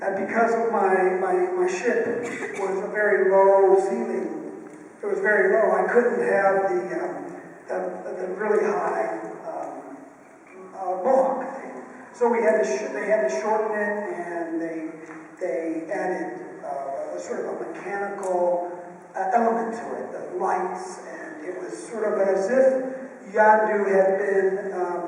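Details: Unilateral vocal fold paralysis (breathy, rough voice) in an adult male after a childhood clothesline neck injury; one vocal cord is bowed and one paralyzed, with excess air escape, persisting ever since.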